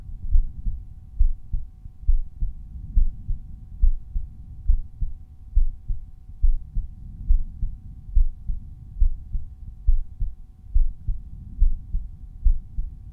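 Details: Resting heartbeat heard at the aortic auscultation point. Normal heart sounds.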